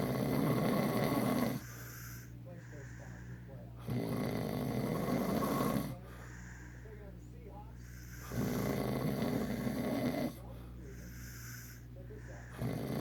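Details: Steady snoring: loud, rough, rattling snores roughly every four to five seconds, about 13 breaths a minute, with quieter pauses between them.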